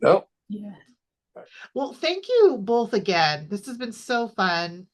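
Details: Adult woman speaking; Normal speech.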